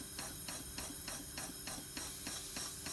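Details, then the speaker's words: Intrapulmonary percussive ventilation (IPV) set up in line with a ventilator circuit, run on test lungs: rapid regular hissing pulses, about five per second, over steady machine hiss; IPV percussions. "as you look at the waste ones on this side on your vent you can see you're getting your rate you're getting your tidal volumes and you're getting your percussions from the IPV"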